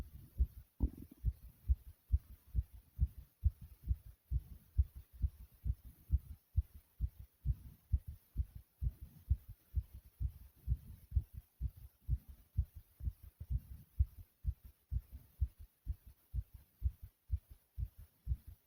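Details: Fast, steady, low thumping heartbeat with heavy breathing after 40 jumping jacks and an unexpected choking episode; racing heart after exertion, person reports being okay.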